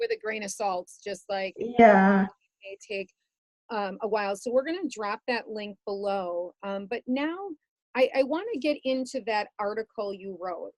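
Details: Adult woman; typical speech.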